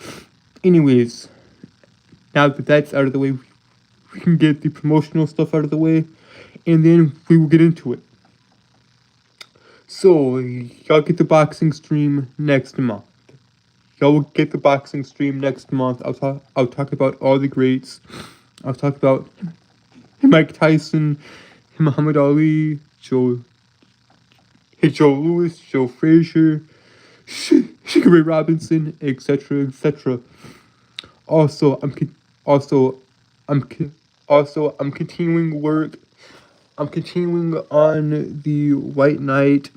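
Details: Adult man with a speech impediment present since birth, who says he holds syllables rather than repeating sounds; stuttering (prolongations and blocks).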